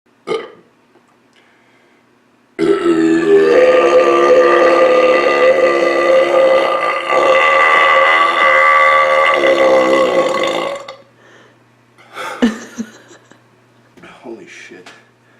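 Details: After drinking Diet Dr Pepper, a single very long, loud, rumbling burp lasting about eight seconds, followed by faint mouth and breath sounds: burping.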